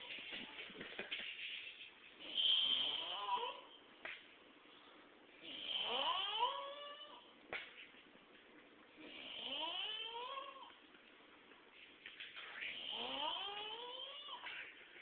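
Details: Child asleep on a couch, snoring loud enough to be mistaken for a fire alarm: loud, rasping, whistling snores rising in pitch, roughly 17 breaths a minute.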